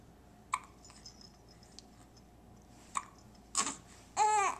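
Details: Infant lying on a play-gym mat: two brief, sharp hiccups a couple of seconds apart, followed by squeals and babbling; infant hiccups.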